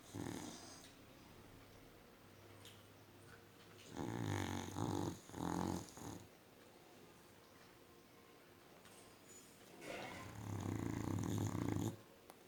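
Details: Dog snoring in deep sleep: rough, fluttering snores in bursts every few seconds, breathing quietly between them; snoring.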